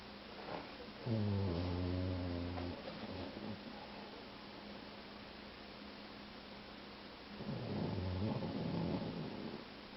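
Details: 2-year-old male boxer mix dog snoring very loudly: low rattling snores on two breaths with quieter breathing between, over a steady background hum.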